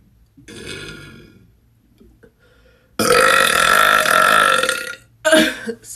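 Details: Woman burping deliberately after drinking soda and sucking air into her belly: a short belch, then a long, loud, sustained voiced burp and a brief final one; voluntary burping.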